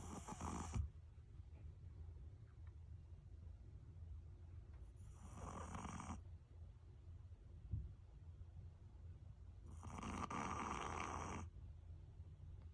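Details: A dog sound asleep on a futon, either an 8-year-old male Chihuahua-Shih Tzu or a 5-year-old female Shih Tzu, gives three slow, soft snoring breaths about five seconds apart over a low room rumble.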